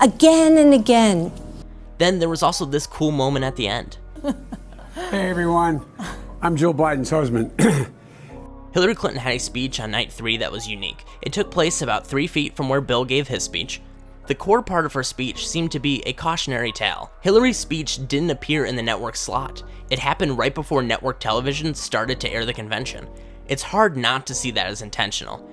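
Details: Adult male narrator with a brief inserted clip of another speaker, music in background; ordinary speech.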